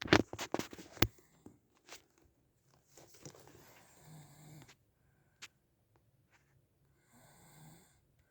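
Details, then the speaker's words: Adult man snoring while asleep at night, recorded around 22:10: two low, rough, rattling breaths a few seconds apart after early clicks and knocks in a quiet room. "He actually snores at night. Here is proof."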